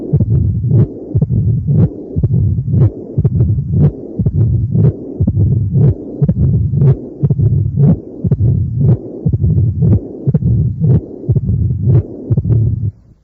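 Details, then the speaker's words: Tight mitral stenosis with slight mitral regurgitation: the usual stenosis signs plus a typical systolic murmur, with many sounds at the apex and a short systole, hard to auscultate, regular rate near 59 a minute. "muestran todos los signos usuales de la estenosis mitral más un soplos histórico típico y usted puede ser difícil de auscultar debido a la coexistencia de tantos ruidos a nivel de la punta"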